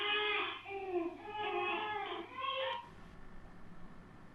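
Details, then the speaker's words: Infant crying recording replayed through speakers and recorded by microphone to test real-time cry detection in 1-second segments: several wailing cry bursts over low room noise; an ordinary cry. "and if the and in the 1 second segment is identified to have crying sound it's labeled with a crying notation and if there is no crying sound detected then no annotation is displayed"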